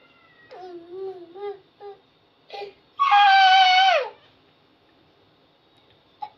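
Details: Short whimpers build into one loud, sustained wail from an infant; ordinary baby crying.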